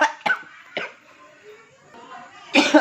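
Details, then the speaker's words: Adult man choking on vape smoke after pressing before inhaling: a few sharp, harsh coughs, then a louder burst; cough. "Banyak kan orang-orang yang bahaya yang belum tahu cara makainya, seperti kayak tadi tuh begitu batuk."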